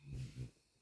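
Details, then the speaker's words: A sleeping dog gives a brief, low, rumbling snort with two quick pulses that fade into quiet room noise: snoring. "um yeah so that's pretty much it I think you can probably hear Le snoring and I feel like I was doing I feel like I wish I was doing the same she making me jealous"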